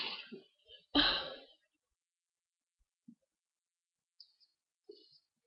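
A single forceful, explosive sneeze follows a brief breath, then quiet with faint small sounds afterward.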